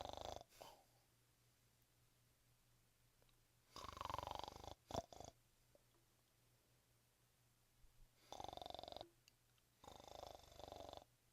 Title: Snore Throat #1